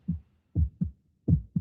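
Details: Two clear lub-dub beats, low and crisp, about 80 a minute; presented as the sound of a healthy heart in a radio advertisement.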